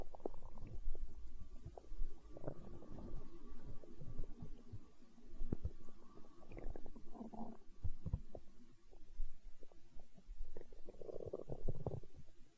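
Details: Stomach growling in hunger, tagged as empty-stomach sounds in an ASMR recording: low gurgling rumbles and bubbling pops continuing throughout, ordinary borborygmi.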